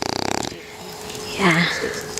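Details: Bulldog puppy asleep in someone's lap by a campfire at a cottage, snoring loudly for the first time: fast fluttering snort, then a raspy whistling breath, with outdoor background noise.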